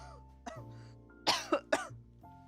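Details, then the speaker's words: Adult coughing while speaking on a live stream: a short run of three dry coughs over steady background music. "i apologize for the cough right i sound like um like some like old medieval lady just coughing all the time from whatever ails me"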